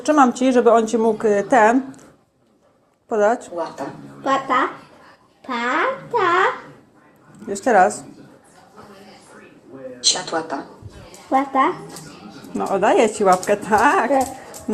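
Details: Girl with childhood apraxia of speech giving short commands to her dog while repeating after her speech-generating (AAC) device and attempting self-corrections; childhood apraxia of speech.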